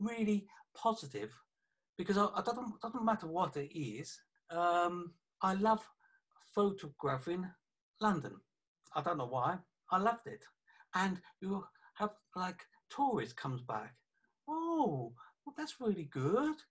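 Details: 48-year-old man with aphasia after a stroke about three years earlier that also affected his right side; aphasia.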